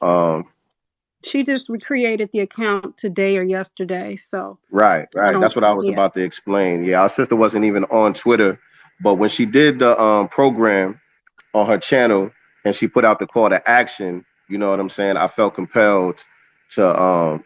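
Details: Adult male speaker; normal speech.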